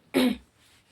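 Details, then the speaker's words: Adult woman singer, hoarse voice with a cold, gives a single short, rough throat-clearing burst under half a second, then a quiet room. "मेरा गला बैठ रहा है जैसे [नाक से की जाने वाली आवाज़] जोखाम सा हुआ है"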